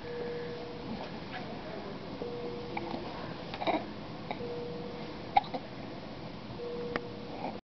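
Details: Infant lying in a NICU crib, now feeding, with a hiccup episode: soft, sharp hiccup clicks recurring a few times over quiet room noise and a steady background hum, while squirming: hiccups.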